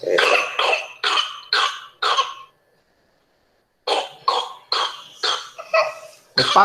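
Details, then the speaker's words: Hospitalized child with IV access in the paroxysmal phase of pertussis: rapid coughs in back-to-back runs, one crisis after another, ending in a high, drawn-in whooping breath: paroxysmal whooping cough. "É agoniante né você assistir a criança fazendo paroxismo e ainda com guincho é agoniante né"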